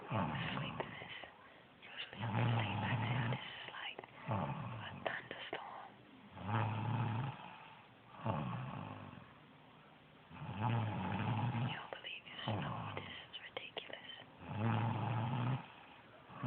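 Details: Tired mother snoring while asleep: regular low, rough snores on each breath, about 15 a minute, with quiet gaps between; ordinary sleep snoring.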